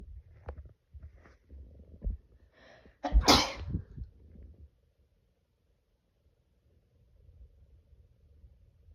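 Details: Morning sneeze: a few soft snuffling breaths build to one loud, explosive sneeze, then quiet; a single sneeze.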